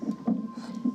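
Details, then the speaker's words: Rapid, whooshing, galloping fetal heartbeats with a faint steady tone behind, heard on the monitor during a non-stress test at 32 weeks in a 29-year-old hospitalized with premature rupture of membranes and a breech baby. "Take a listen to the baby doing what they call a non-stress test."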